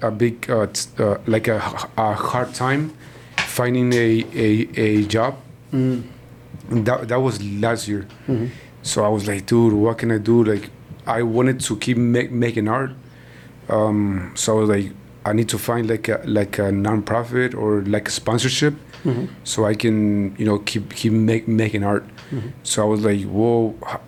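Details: Man in his 40s who stutters, onset noticed around age five or six; his father also stutters and he believes it runs in the family; stuttering.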